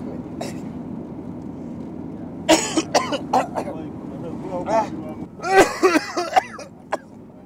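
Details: Staged, simulated coughing by a man in a commuter taxi prank skit: repeated forced coughs and throat clearing over vehicle noise and brief talk, annoying the passenger beside him; faked, not illness.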